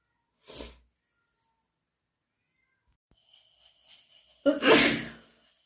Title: Induced/cat allergy sneezes + sniffles and blows